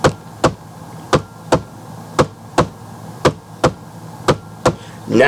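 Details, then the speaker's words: Simulated normal heart sounds, crisp paired lub-dub S1 and S2 in regular rhythm at about 57 beats a minute, played as the normal reference before demonstrating an S3. "And normally the sound sounds like this. Let's begin again with the normal sound."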